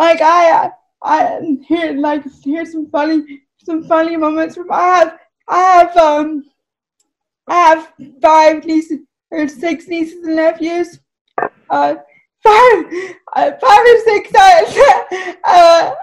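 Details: Dysarthria in a woman with cerebral palsy, who says her speech is clearly affected by it.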